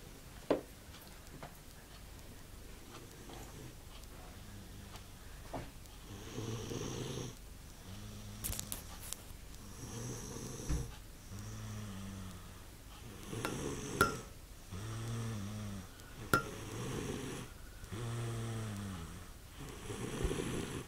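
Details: Repeated low, rumbling, steady and rhythmic snores with each breath of a sleeping man in a quiet room; snoring.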